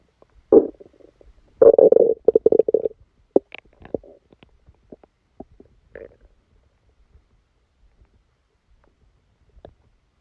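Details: Stomachache after Christmas dinner, recorded while sleeping: bursts of gurgling and rumbling, loudest early, then scattered faint gurgles over a quiet background; active bowel sounds.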